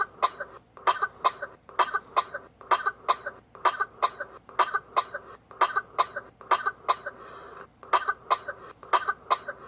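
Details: A run of short, sharp coughs, mostly in quick pairs, repeating steadily for about ten seconds.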